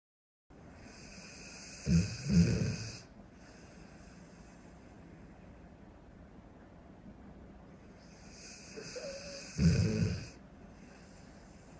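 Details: Large Cane Corso dog asleep, snoring: two low, rattling snores about eight seconds apart over a steady hiss.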